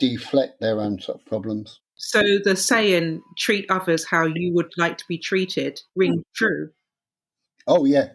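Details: Adult speaker; normal speech.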